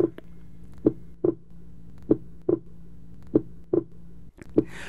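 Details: Teaching simulation of an anacrotic pulse synchronised to heart sounds: dull paired heart sounds at roughly 48 beats a minute over a steady hum.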